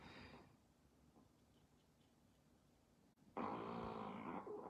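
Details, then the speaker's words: Dog snoring while wrapped in a blanket sleeping on the owner, sounds like someone farting or burping. "G ça c'est on dirait que quelqu'un pte ou qui rotte mais c'est mon chien qui ronfle je suis vraiment"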